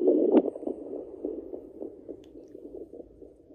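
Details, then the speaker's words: Fetal Doppler on a pregnant Yorkshire terrier at day 49, previously scanned for 3 puppies: faint, rapid whooshing pulses about 210 a minute, a puppy's fetal heartbeat, found with patience. "Tricky to find the heartbeats, but with time, patience, and practice, you'll get there. She was scanned for 3 puppies a few weeks ago, so I think that's what I'm hearing."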